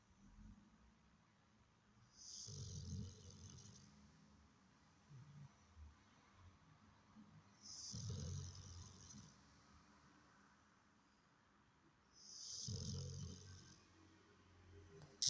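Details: Snoring at about 12 breaths a minute: three regular cycles about five seconds apart, each a low snore followed by a hissing out-breath.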